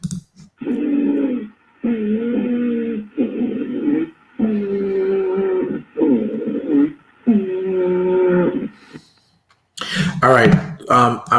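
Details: Wheezing with both inspiratory and expiratory components: repeated musical, whistling breath sounds with sustained pitch, played for comparison with stridor.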